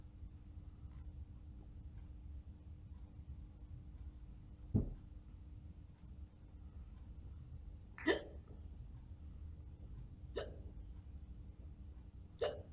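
Four short, sharp catching sounds at irregular intervals over a quiet room hum. Hiccups, possibly faked.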